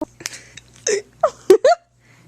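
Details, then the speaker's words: Adult woman with hiccups, before trying remedies: several abrupt, short voiced gulping sounds in a quiet room, repeating irregularly about every half second to second. "okay i'm getting the hiccups away okay kaylee has them so we'll see what happens"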